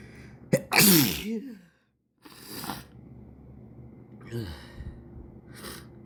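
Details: Adult's sneeze: one loud, forceful sneeze with a sharp intake before it, then a pause and softer sniffs and breaths.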